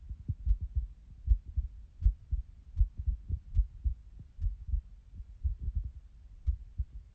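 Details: Self-recorded heartbeat from a phone pressed to the chest of a person who has sinus arrhythmia: muffled beats at about 80 a minute with slightly uneven spacing. This is sinus arrhythmia.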